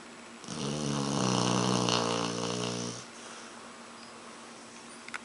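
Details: One long, loud, rattling snore lasting about two and a half seconds on a single breath, followed by quiet room noise; snoring.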